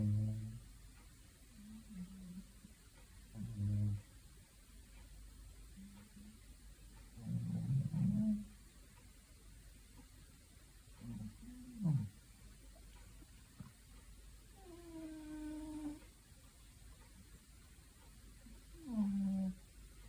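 Low, rumbling snores from a sleeping cat, some ending in a faint whistle, in a quiet room.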